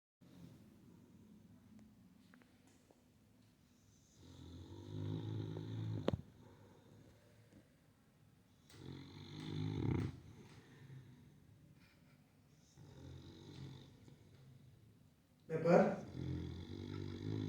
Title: snore like Pepper